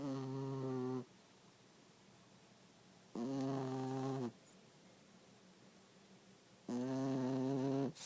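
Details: A new puppy asleep, snoring steadily: loud, rattling, buzzy snores about every 3.5 seconds (roughly 17 a minute), with quiet pauses between.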